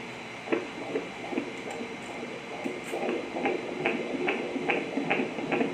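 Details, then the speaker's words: Fetal heartbeat at 35 weeks 6 days in a male fetus, on ultrasound Doppler: fast, regular whooshing at 143 beats a minute, normal for the 120 to 160 range. "One time one cycle for the heart rate yan. So heart rate should be 120 to 160. So 143 is normal."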